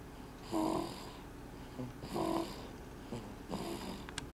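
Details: 12-week-old sleeping: three rasping snores on inhalation, roughly every one and a half seconds, in a quiet room; ordinary snoring during sleep.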